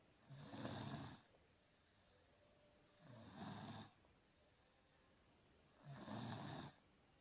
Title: Baby snoring